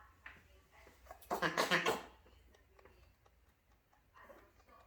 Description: bunny sneezing